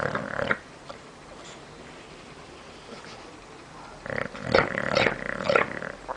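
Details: Bulldog snoring while asleep in the living room: rough, snorting breaths separated by a quiet pause, the later one breaking into rattling pulses.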